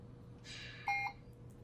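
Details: Puritan Bennett 560 home ventilator being set in a volume-based mode: a soft key click followed by a short two-part electronic beep, the accept-key tone during a settings change.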